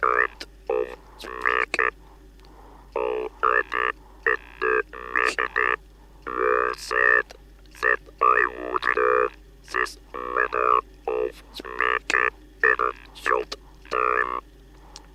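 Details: Speech recorded in 1964 after removal of the larynx; a steady, flat-pitched mechanical buzz switched on and off in short bursts, words shaped by the mouth: electric artificial larynx (electrolarynx) speech.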